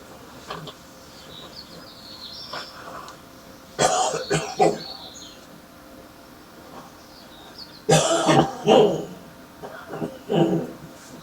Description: Man with a heavy morning smokers cough with spitting